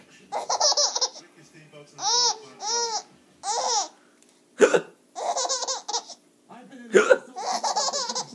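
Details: Adult man (father) hiccupping: two sharp, abrupt hiccups, each followed by his infant daughter's bright, bubbly laughter.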